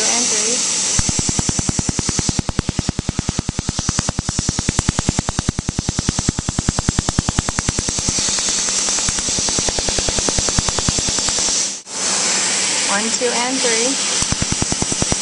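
Rapid, regular sharp snapping clicks, about 200 a minute, with a steady hiss behind them: pulses from a tattoo removal laser.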